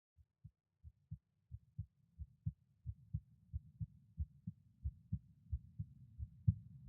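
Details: Normal resting adult heart sounds recorded through a stethoscope at each auscultation point: regular paired lub-dub thumps near 90 beats a minute.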